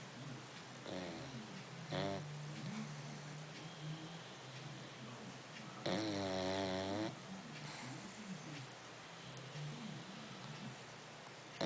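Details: Snoring: two loud, buzzing snores stand out over quieter rough breathing noise in a small room.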